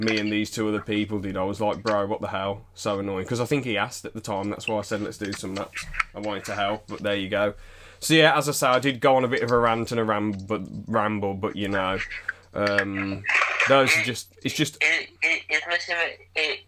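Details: Man who still stammers, with repetitions of sounds or words and noises lasting a few seconds, in conversation: stuttering (stammer).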